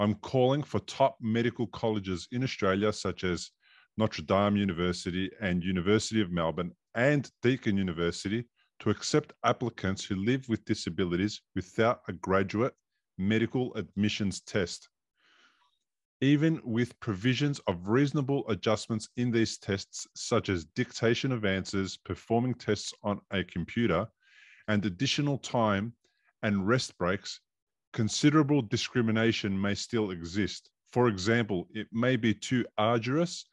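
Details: Adult male speaker; typical speech.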